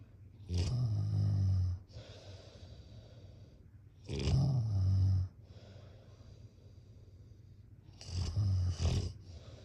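Loud, low, rattling snores on each in-breath with quieter breathy out-breaths, about 17 breaths a minute.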